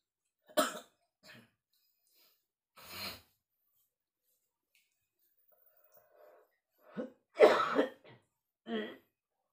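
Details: Adult man with masuk angin, feeling feverish and unwell in rainy weather, coughing at dawn during kerokan scraping by his wife: several separate harsh cough bursts with quiet pauses in a small room.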